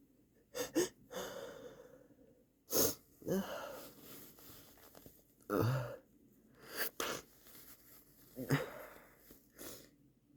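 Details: Person sneezing in a quiet room: a series of about five sneezes, some stifled and some full, each preceded by a quick inhalation, with false starts.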